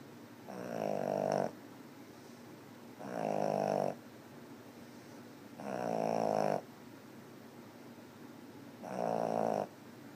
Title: 8/18/2013 snoring 2